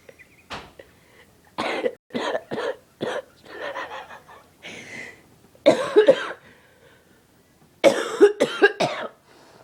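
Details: A person coughing in a lighthearted home recording; a cough.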